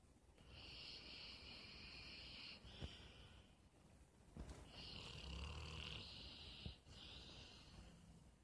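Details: Dog snoring loudly, enough to wake someone: two long whistling, snorting breaths with clicks between them.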